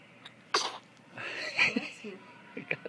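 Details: Single abrupt, airy sneeze from a young child, followed by the child's vocal sounds; sneezing.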